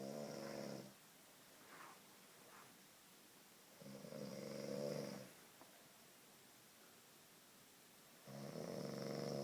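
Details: Three soft, fluttering snores in a man described as drunk, one every four seconds or so, about 14 breaths a minute, with quiet pauses between; snoring.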